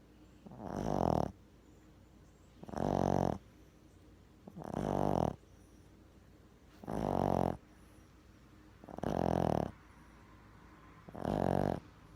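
Rhythmic rattling snores with each breath in, about 30 a minute, separated by quiet breathing out, in a quiet room.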